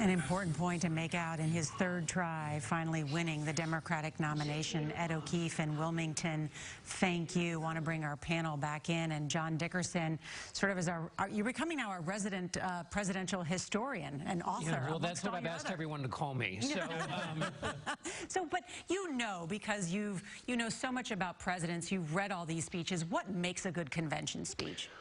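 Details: Adult news commentators; normal speech.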